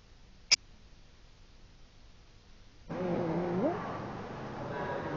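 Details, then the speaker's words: Child with harsh, noisy inspiratory breath with a brief high-pitched edge, heard with the ear close to the child's mouth: stridor; stridor while calm signals dangerous, life-threatening airway obstruction. "anak ini mempunyai bunyi yang kasar ketika menarik naas anak ini mempunyai stdor"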